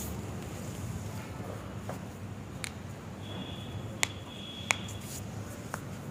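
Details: Two sharp cracks then a fainter one over low room noise: joint cavitation during chiropractic manipulation of the lower back for lumbar lordosis.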